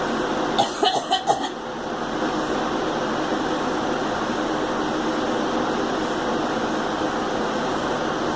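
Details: Girl gives a quick run of about four short coughs over steady engine-like background hum; brief coughing bout.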